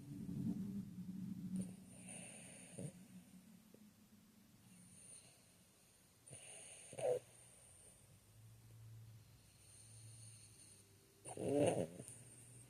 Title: Snoring and dreaming😴😇🛌